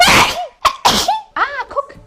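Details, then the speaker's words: A woman with allergy or sinus tags gives a single loud, explosive sneeze, then brief speech blaming a cart for making her sneeze; an ordinary sneeze. "that cart just made me sneeze okay I swear it was the cart that made me sneeze"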